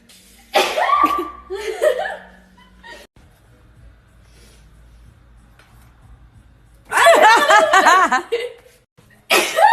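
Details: Young woman sneezing while laughing: voiced bursts, one sneeze-like, mixed with giggling, followed by a quiet stretch.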